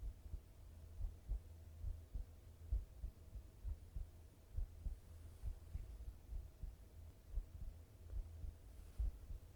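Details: Heart sounds: steady, low, muffled lub-dub thumps at about 67 beats a minute over a faint constant hum; a regular adult heartbeat.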